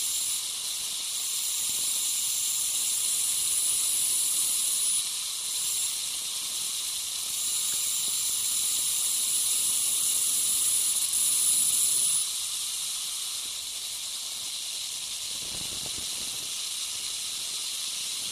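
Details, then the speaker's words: Ultrasonic piezosurgery unit with a round diamond tip cutting a dental sinus window osteotomy (about 1 cm by 0.5 cm) for sinus lift: continuous high-pitched hiss with a thin whine under water spray. "I'm going to continue uh with the same hand uh with the same tip it's a diamond uh kind of round almost looks like a large round bar Diamond"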